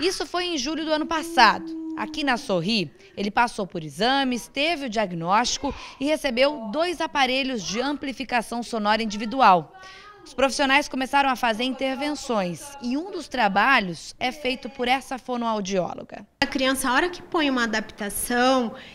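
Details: Adult female news reporter narrating; Normal adult speech.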